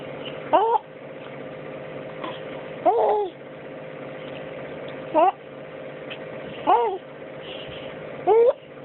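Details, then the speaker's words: 7-month-old infant with hiccups, possibly sleepy: five short, abrupt voiced catches about every two seconds over steady background hum while an adult talks to him; hiccups. "You got a hiccup? Hey, what you doing? What you doing? You got a hiccup, huh?"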